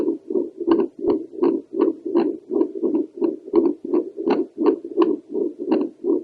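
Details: Doppler heart sounds from a female over the pulmonary valve, with the mitral valve possibly heard behind: regular whooshing pulses at about 83 a minute with fainter background valve sounds.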